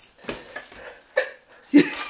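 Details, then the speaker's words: Adult woman (the speaker's wife) with repeated involuntary hiccups, about three sharp catching gulps of air in two seconds; hiccups. "hiccup yes yes your wrist is itchy I've hit gold hiccup gold"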